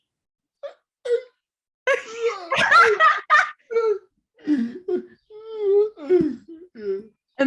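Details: Man with cerebral palsy who struggles to communicate verbally and sometimes relies on an iPad; stretch probably him speaking; dysarthria in cerebral palsy.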